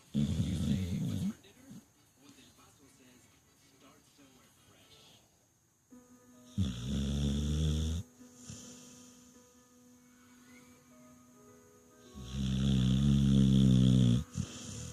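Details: Shar Pei/Pit Bull mix dog snoring: loud, deep, rattling snores every five to six seconds, quieter breathing between, faint background music.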